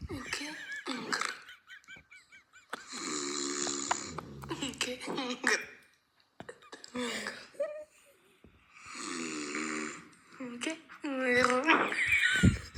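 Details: Adult man snoring with loud, rough breaths, alternating with bursts of laughter from another person close by.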